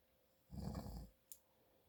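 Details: Adult man (a father) asleep: a single low, rough rumbling breath sound lasting about half a second, with quiet room noise around it; snoring.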